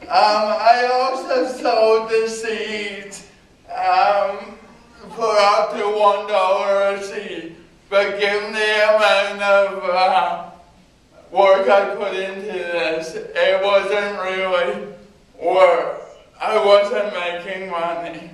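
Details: Adult man with cerebral palsy giving a talk about his own condition; speech not described in source; possible dysarthria in cerebral palsy.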